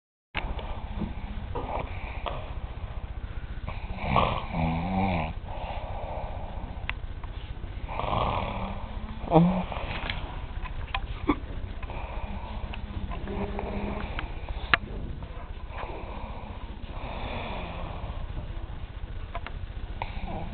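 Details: Bunkmate snoring during sleep: low, rough snores recurring irregularly, about 12 per minute, against steady room noise.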